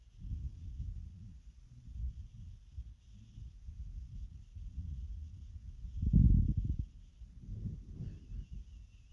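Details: Continuous low gurgling and rumbling with a louder growl near the end: hunger growls of the stomach, normal borborygmi.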